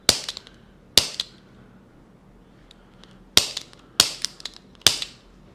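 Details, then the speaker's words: A handheld chiropractic adjusting instrument makes five sharp, snapping clicks in two groups in a quiet room. It is used to correct vertebral rotation and relieve dizziness. "so that little instrument will help you to fix your rotation of your vertebra which is on this part"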